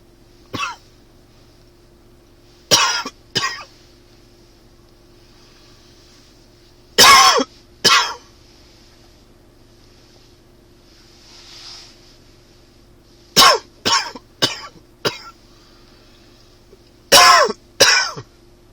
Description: Springtime is here and with it comes the dry allergy cough.